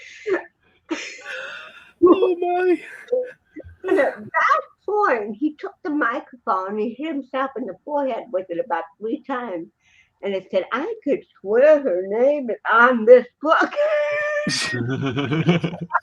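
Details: Adult woman with cerebral palsy, 75% hearing loss and hearing aids; dysarthria (cerebral palsy).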